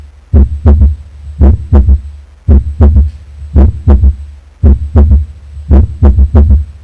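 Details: Regular low heart thuds at about 56 a minute heard on auscultation of the back, demonstrating a normal second heart sound (S2).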